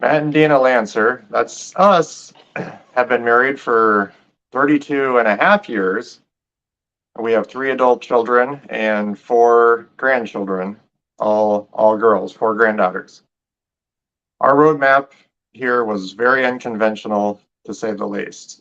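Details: Adult man; normal speech.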